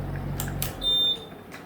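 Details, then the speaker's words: 10-litre oxygen concentrator power-failure alarm when mains power is switched off while running: low machine hum stops, then a single steady high beep, repeating after seconds, warning no oxygen is delivered. "एक beep आई, ये alarm है। कुछ second के बाद और beep आएगी और ये कुछ देर तक आती रहेगी कि ये हमें अटेंडेंट को बताती रहेगी कि अभी मशीन प्रॉपर ऑक्सीजन नहीं दे रही है।"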